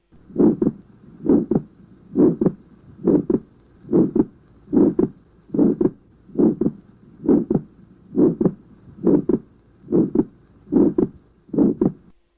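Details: Atrial septal defect heard at the pulmonary area: regular heartbeat near 70 a minute with a harsh ejection systolic murmur and a wide, fixed split of the second sound.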